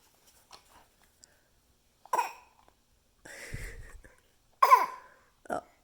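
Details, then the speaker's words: A young child gives about three short, forced coughs on purpose, practicing a fake cough that imitates a real one. "Oh, you just practice that cough. Yes. Oh, yeah. Uh-huh. That was a pretty good one. I was almost close to the real thing."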